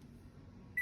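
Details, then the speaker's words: V60 BiPAP/CPAP machine being switched on during setup by a respiratory therapist, humidifier and oxygen connected: low room hum, then a short high electronic power-on beep; starting in CPAP mode. "And then we just turn it on here."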